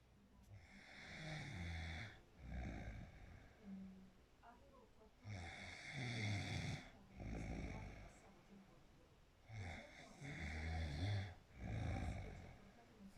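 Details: Ordinary snoring: regular low, rattling snores about 13 a minute, each a rough vibrating breath with quiet gaps between.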